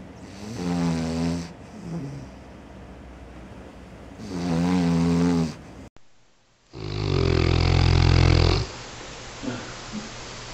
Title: Funny Dogs Snoring and Sleeping Compilation